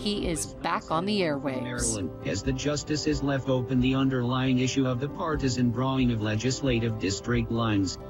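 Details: Adult male radio correspondent who lost his voice about two years earlier to segmental dystonia of the voice box, tongue and lips, with tongue thrusting during speech; speaking after Botox tongue injections, with no improvement; spasmodic dysphonia with oromandibular/lingual dystonia.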